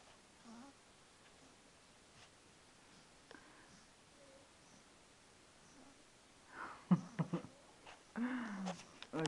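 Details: A sleeping 6-week-old kitten snoring with soft, low breaths, faint at first and then louder near the end.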